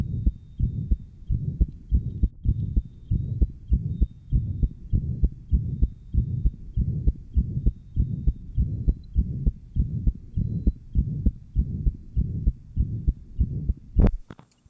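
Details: Johns Hopkins heart sound lab recording from 1955, aortic and pulmonic areas, lower left sternal border: rapid heart sounds near 100 a minute with murmur between beats, tetralogy of Fallot after Blalock-Taussig shunt.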